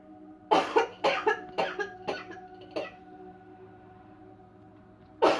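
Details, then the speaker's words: Demonstration of a 'cleansing-healing coughing technique' with no touch or pressure points, person feeling more coughs coming: a run of about six dry coughs over two seconds, a pause, then one more, with a steady room hum. "I feel another cough coming. I can feel it. Uh-oh, I can see more coming. Oh, it's coming. I can feel it."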